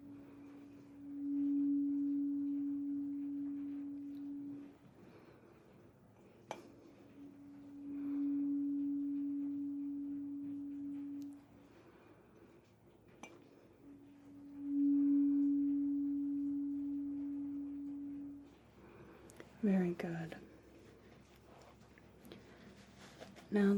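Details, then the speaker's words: Simulated ASMR roleplay cranial nerve exam (CN8 hearing test): 256 Hz tuning fork struck and held on one side, then the other; 256 Hz tuning fork tone. "And then let's move up. We're already familiar with this one. This is our 256 hertz fork."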